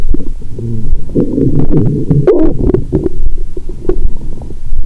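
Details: Loud, continuous low gurgling and rumbling, heard through a stethoscope on a woman's abdomen after drinking wine and a large Christmas dinner following a 22-hour fast; active bowel sounds.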